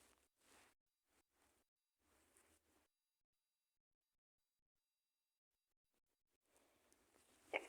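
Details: A few soft breathy bursts, then quiet, then a rising sharp burst from a female, fitting a sneeze.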